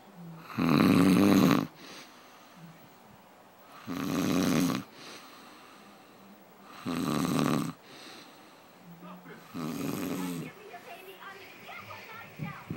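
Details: Snoring recorded in the dark: loud, regular throaty snores on each breath in, about 19 a minute, with quiet pauses between.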